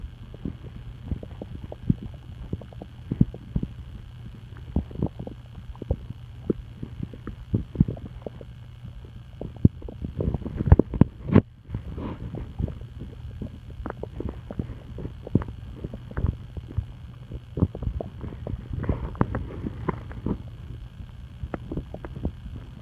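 Irregular low gurgles and clicks from the abdomen over a steady low hum: ordinary stomach rumbling.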